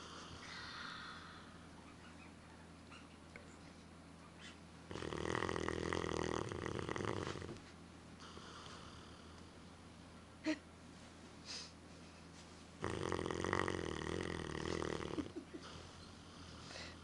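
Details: Two long, loud rattling snores about eight seconds apart, with quiet breathing between, from a sleeping dog; big snores.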